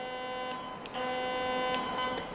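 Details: Heal Force electrosurgical unit, monopolar pencil with blue coagulation button held: steady electronic buzzing tone with brief clicks, the coagulation-mode activation tone.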